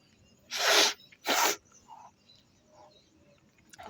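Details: Real sneezing in a sneezing challenge, triggered by sniffing a tobacco-type substance held near the nose: two loud, explosive sneezes in quick succession, followed by quiet sniffs.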